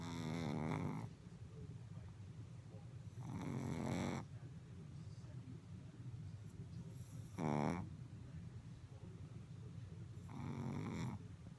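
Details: A puppy snoring after falling asleep standing up behind her blanket: loud, rattling snores at an uneven pace, about 17 per minute.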